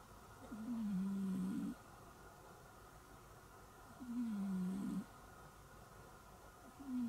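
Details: Cat snoring measured with a noise meter: low buzzing snores from a sleeping cat, each about a second long, about 18 per minute, over faint room hiss; owner suspects obesity may be the cause.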